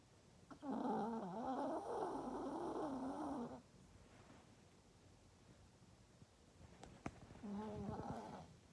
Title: Fender in REM sleep + snoring